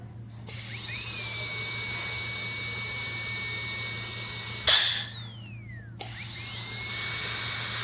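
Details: Dental rheostat repair test, handpiece snapped onto quick coupler and run without water: high-pitched whine of a dental drill spinning up, running steadily, winding down and restarting.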